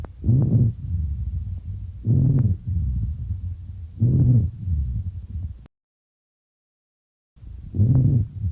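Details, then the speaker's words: Teaching demonstration of a low-pitched wheeze (rhonchus) on chest auscultation: a low, continuous, musical droning tone through each breath, from air passing through narrowed airways. "so we'll just have a listen to a high pitch wh versus a low pitch wh I want you to listen for that continuous musical pitch uh that you'll find and just imagine the air passing through a smaller Lumen like a whistle creating the sound that you'll"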